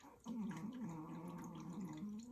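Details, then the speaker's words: Loud, continuous, rattling throaty snore, described as a female who snores louder than a man, lasting about two seconds in a quiet room; snoring. "Do you hear that? She snores louder than a man."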